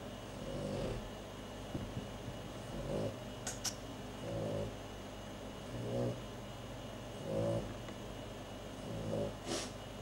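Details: Pet named Poppy snoring at rest: soft, regular low rattles, about forty per minute, against steady room hum.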